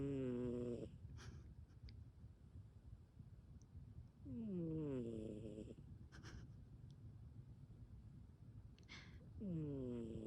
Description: Beautiful Maxine snoring and sleeping with one eye open.